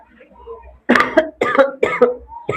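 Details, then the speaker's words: Short run of about four abrupt, voiced coughs from an adult man teaching a class in a quiet room, who says he has a slight cough and has not taken his medicine today. "थोड़ी खांसी हो गई है और खुशी की बात ये है कि दवाई तो ला लिए लेकिन आज दिन भर में पीवे नहीं एक बार।"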